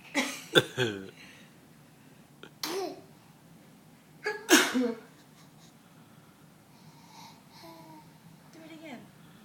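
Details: Mother's sneezes and her baby boy imitating them: several sharp sneeze-like bursts, then the infant's soft babbling imitation; sneezing.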